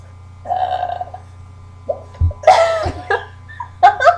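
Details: Several abrupt voiced hiccups from a camera-shy girl, mixed with laughter and talk; hiccups.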